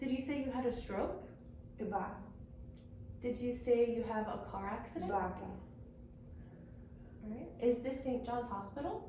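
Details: Adult woman (speech-language pathologist); typical speech.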